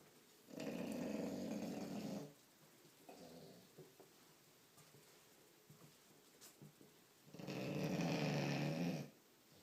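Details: Sleeping bulldog snoring: two long, deep, rattling snores with quieter breathing between them.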